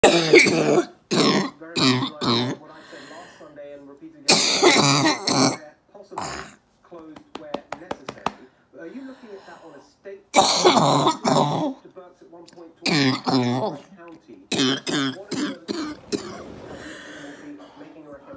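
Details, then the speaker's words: Adult woman recovering from COVID-19 at home, day 16: repeated harsh wet coughs, throat clearing and strained gasping between bouts, a sudden choking coughing fit as a mucus plug dislodges and phlegm comes up. "it's just blue and that means that a mucus plug finally released would like another phlegm don't get afraid"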